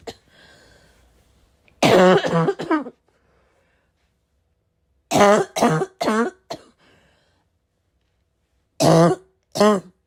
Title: constant barking cough